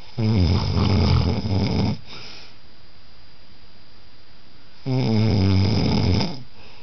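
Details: A partner snoring in sleep: two loud, rough, low-pitched snores on breathing in, separated by quiet pauses of about three seconds; ordinary snoring.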